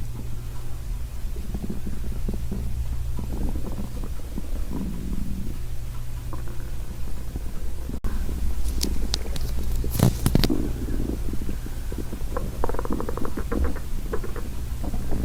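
Continuous low rumbling with bursts of gurgling; ordinary stomach growling from gas and fluid moving through the gut.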